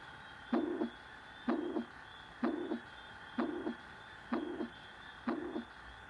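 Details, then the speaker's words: Systolic murmur, presented as a regurgitant or insufficiency murmur from a valve that cannot close properly: regular heartbeat near 63 a minute, with a rushing murmur filling the gap between the first and second sounds. "La otra es la insuficiencia, que es cuando la válvula no se puede cerrar bien, entonces se da un reflujo de la sangre por la presión, que es lo que da el soplo de regurgitación o de insuficiencia. Un soplo sistólico suena así."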